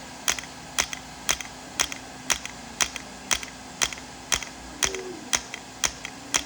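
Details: Shockwave therapy at 3 Hz, 90 mJ, 1,000 shocks, for pain at the back of the knee (popliteal area): sharp, evenly spaced clicks about one a second from the device firing, faint background hum.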